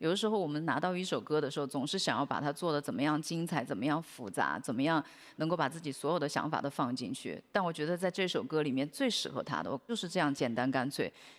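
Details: Adult speaker; typical speech.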